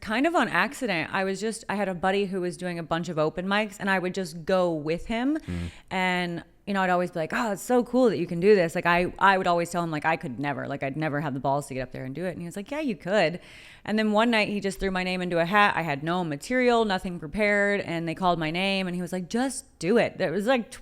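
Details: Adult woman; typical speech.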